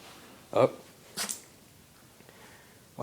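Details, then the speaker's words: Pet dog (Ginger) sneezing repeatedly on cue: a brief vocal sound, then a sharp hissing nasal burst in a quiet room: sneezing. "Bless you. I keep sneezing, huh?"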